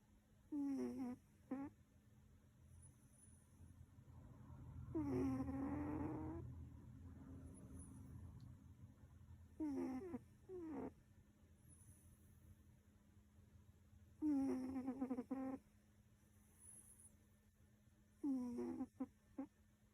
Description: sleeping with again a Squeaky snore